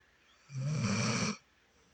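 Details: A single loud, rumbling snore lasting under a second from a sleeping animal named Petey; ordinary snoring.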